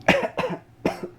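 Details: A cough from a person in a kitchen while spices toast in a skillet and mustard seeds pop.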